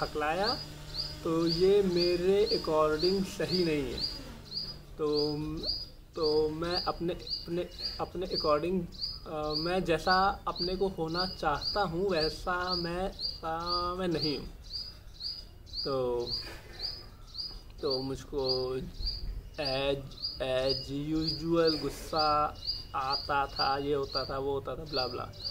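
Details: Adult male speaker; stammering.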